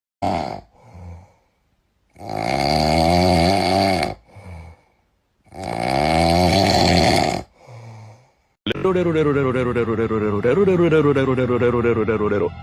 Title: Cute Dog Snoring Sound 😂😅 #dog #shorts #funny #dogs